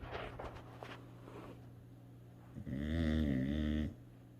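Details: Sleeping dog in a quiet room snoring: soft breathing noise, then one long, loud, rumbling snore on the breath in.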